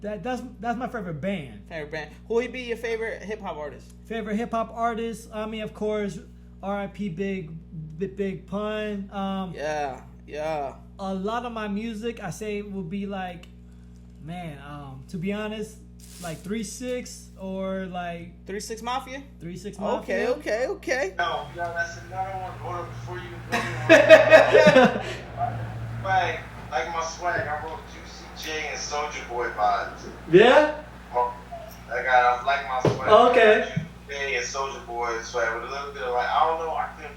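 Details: Man who has stuttered since growing up, much worse after blast-wave brain injury during military deployment; he stutters in conversation but not when rapping; stuttering.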